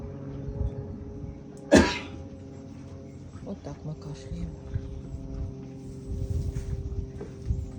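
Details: A single loud, harsh cough from a horse, with music and faint voices in the background; allergy is suggested as the cause.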